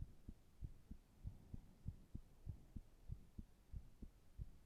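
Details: Resting heart sounds: steady paired low heart thumps at about 95 beats a minute, with a soft hum behind; normal heart sounds.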